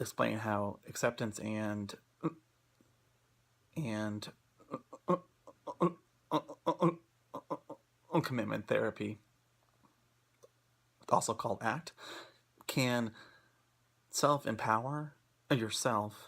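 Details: Person who stutters, presenting on acceptance and commitment therapy (ACT) for stuttering; stuttering.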